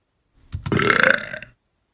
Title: The Burp Contest